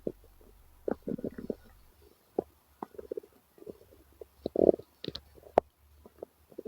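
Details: Male stomach growl: irregular gurgling and bubbling rumbles in short bursts from the belly, ordinary borborygmi from gas and fluid moving through the gut.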